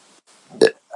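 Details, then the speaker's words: Woman chugging beer: a short, abrupt voiced belch after a brief throat sound; burping. "i'm gonna try to swallow air as they chug the beer but not too much so otherwise it's gonna hurt and then we'll see how long of a burp i may have after the fact"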